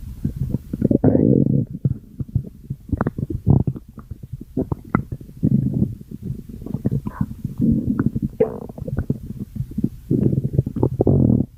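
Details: A person's stomach growling with long, loud gurgling and rumbling bursts and bubbly pops from gas and fluid moving through the gut; ordinary borborygmi.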